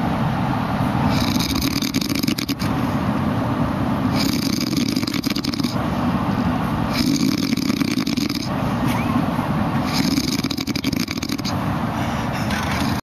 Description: This is a video of our Sax player in our band after a long weekend of shows!